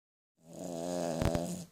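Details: Pudgy white poodle asleep on its back, cradled in arms: a single drawn-out, buzzing snore with a brief flutter near the end; snoring.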